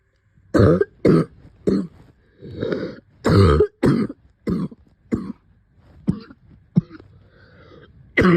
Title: Covid cough 2